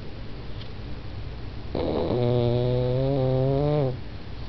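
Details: Snoring in a pug dozing on a couch: a single long, rough, droning breath with a low buzzing tone.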